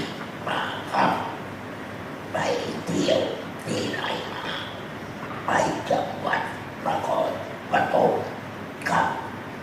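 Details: Man practising esophageal speech after total laryngectomy (whole larynx removed), moving from the sound 'a' to forming words; esophageal speech after total laryngectomy.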